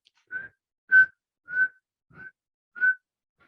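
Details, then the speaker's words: Expiratory wheezes in bronchial asthma, taught in an asthma and COPD seminar, widespread over both lungs and sometimes audible without a stethoscope: short, high-pitched musical whistles recurring with each breath out. "estas sibilancias no son inspiratorio son espiratorio vean esto también es importante"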